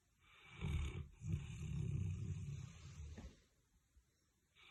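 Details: A dog sleeping in an odd position gives one long, loud, deep rumbling snore lasting about two and a half seconds, then quiet; dog snoring.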